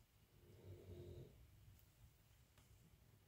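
A single low, fluttering snore from a resting dog, heard faintly against quiet room noise.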